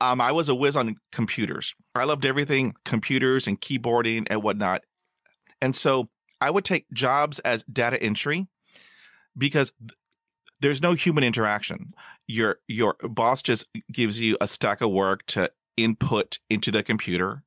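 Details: Stuttering in an adult man who still stutters.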